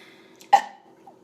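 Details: Person burps while eating: one short, sharp throaty burst over quiet room noise; burp.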